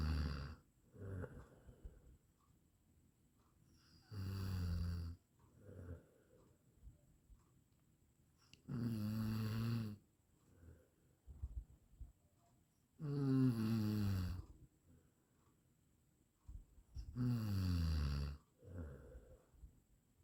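Loud, low, rattling snores on each in-breath, about 14 a minute, with quiet breathing between. Ordinary snoring.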